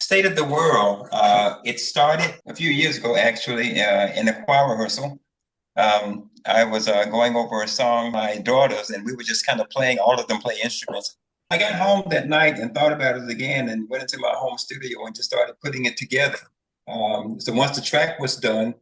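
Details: Adult man speaking; normal adult male speech.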